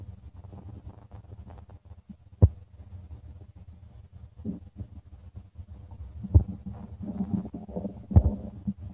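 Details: Stomach growling recording: low, irregular gurgling and rumbling with a few sharper pops, typical bowel sounds (borborygmi).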